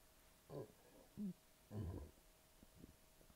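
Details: Burping after a double quarter pounder, large fries and a liter of soda, with a bloated belly: three low, gurgling throat bursts within a few seconds in a quiet room.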